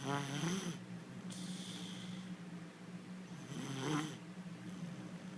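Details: Little girl snoring during sleep: two rhythmic, rattling breaths with steady background hum; snoring.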